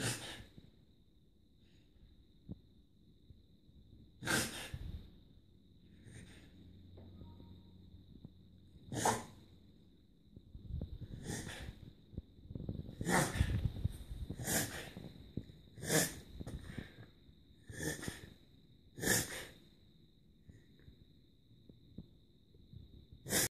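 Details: Whippet dog reverse sneezing: repeated sharp snorting, sneeze-like noises; episodes lasted some weeks then stopped, owner suspects an allergy to something sniffed outside.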